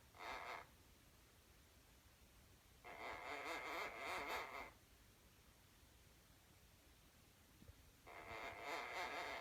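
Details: Sleeping pet conure parrot: three raspy, hissing breath sounds a few seconds apart, about 13 a minute; soft snoring.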